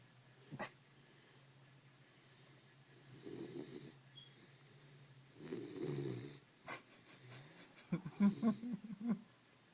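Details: Loud, rough snoring from a sleeping female dog, three or four snores with snuffling breaths between them.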